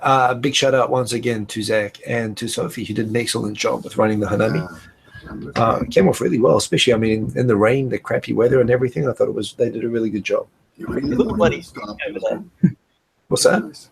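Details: Adult male speaker; normal voice.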